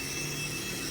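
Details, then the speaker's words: Home compressor nebulizer being switched on to treat a baby's cold and cough: a steady, loud mechanical buzzing hum of normal operation. "तो आप जो है ये ऐसे लेकर और यहाँ एक पीछे ऑन ऑफ का स्विच है, इसको ऑन कर दीजिए।"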